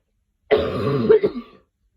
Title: Coughing4 #coughingsounds #cough